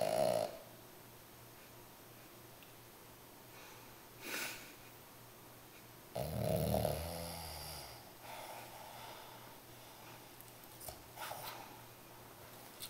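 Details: Snoring with silent gaps between snores where she is actually not breathing: snoring with apnoeic pauses.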